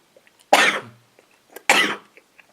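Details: Two harsh, forceful cough bursts about a second apart in a quiet room, from an adult with a lingering cold, triggered by a throat tickle when talking; cough.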